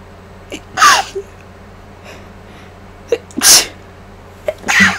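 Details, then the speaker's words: Person sick with flu for 8 days, still congested and nearly voiceless, inducing sneezes with mic gain turned up: three sneezes, each a quick indrawn breath then a sharp hissing burst, over room hum. "so I'm just going to get started with the inducing now also to let you all know I have the gain turned up on the mic so my sneezers are going to kind of maybe sound a little softer than this"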